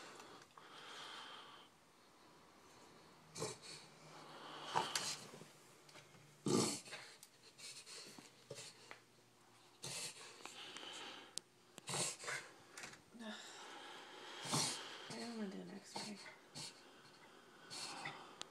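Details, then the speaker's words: Puggle with occasional breathing problems, in an episode the owner calls the worst ever, lasting two or three minutes beforehand and audible upstairs: repeated harsh snorting and snuffling breaths, paroxysmal noisy, obstructed breathing. "You did it for like two or 3 minutes before this too. Like straight. Yeah, it was a lot worse than right now too. Like you hear him all the way upstairs."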